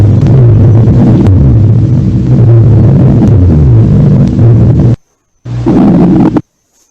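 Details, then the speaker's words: Rhonchi: coarse, low-pitched rumbling breath sounds, similar to wheezes but thicker, from secretions in larger airways; played in a pulmonary tutorial right after a wheeze example. "escucharon el ronco y vieron que es parecido pero como más gruesas"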